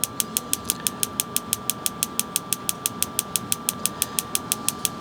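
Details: Radial shockwave therapy on an adult male gym-goer's forearm for an elbow extensor mass strain from overuse. Rapid, evenly spaced sharp clicks, about six per second, are heard over a steady high electronic tone.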